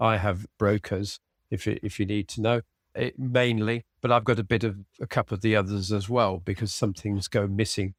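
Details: Aphasia following a sudden stroke in an adult man, treated with speech and language therapy and early vocabulary flashcard practice at home; spontaneous speech.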